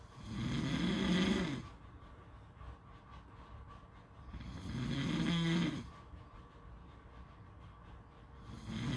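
Low, rumbling snores recurring about 14 times a minute with quieter breathing between, typical of ordinary sleep snoring; steady background noise.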